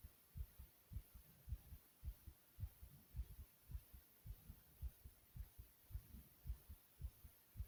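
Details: Steady low heartbeat thumps at about 110 beats a minute from the recorder's own heart, described as beating fast: a fast heartbeat.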